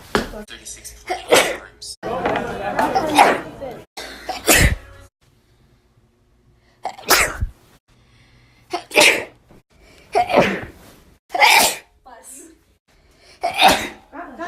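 A run of separate sharp sneezes, about nine, with short pauses and some voice between them; ordinary sneezing.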